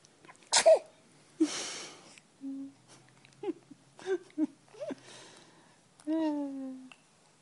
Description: 10 seconds of the cutest sneeze ever